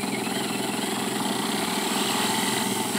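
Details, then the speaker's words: Guided DS PrimeTaper hands-on demonstration on a model with surgical guide, mandibular molar site, for a PrimeTaper EV Ø4.2 x 11 mm implant. The drill runs to the chosen depth marking with a steady buzzing, whirring motor sound. "so I take the drill put it in the handpiece I go in from the side put it in the starting position here and carefully now start drilling and go to the marking I have decided on"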